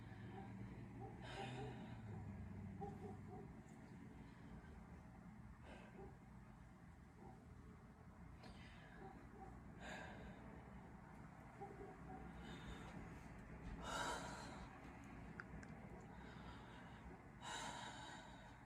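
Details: Normal deep breathing (vesicular breath sounds).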